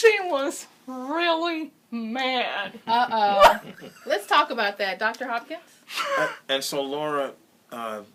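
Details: Adult woman; typical speech.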